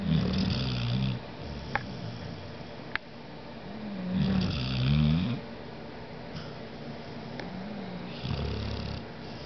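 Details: Pet named Poppy snoring in sleep, September 2009: low, rattling bursts about 15 per minute, with softer breathing and faint clicks between; ordinary snoring.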